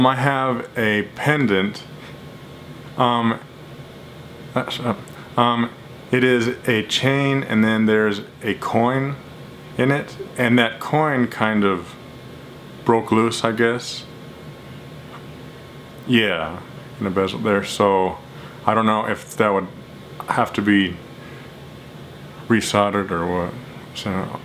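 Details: Stuttering in an adult speaking during a phone call to a jewelry store.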